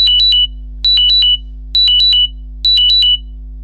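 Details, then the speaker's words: FreeStyle Libre CGM low glucose alarm: shrill beeps alternating high and low in relatively rapid repeated groups, high-low-high-low then pause, about a second apart. "now that is uh quite a shrill sound I would say but in a way that is good because it alerts you so it goes high low high low pause high low high low pause and so on it goes relatively rapid"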